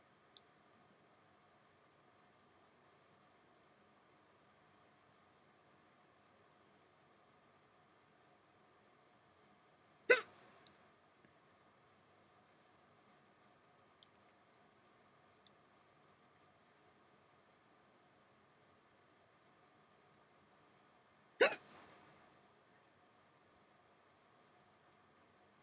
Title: Hiccups 21